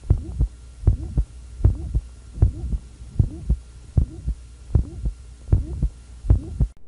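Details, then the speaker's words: Adult man with hypertrophic obstructive cardiomyopathy, listened over the apex at rest: regular heartbeat about 77 a minute with a seemingly innocuous short, high-frequency, soft systolic murmur. "in the following recording will be listening over the apex and a gentleman with hypertrophic obstructive cardiomyopathy at rest there will be a seemingly innocuous short high-frequency murmur"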